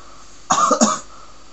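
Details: A single short, explosive cough with two quick bursts, made while trying to provoke sneezing with homemade paper sticks pushed up the nose.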